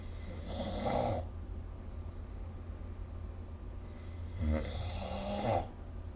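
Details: Snoring recorded with the SnoreLab phone app: two harsh, rattling snores roughly four seconds apart, separated by quieter breathing, over low room noise.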